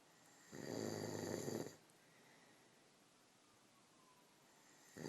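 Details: One rough, rattling inhaled snore lasting about a second, then quiet breathing and the start of the next snore: snoring.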